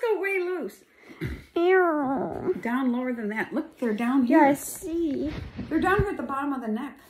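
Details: Adult speakers; typical speech.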